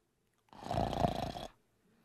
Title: SOUND FX - Snoring - HI-RES SOUND FX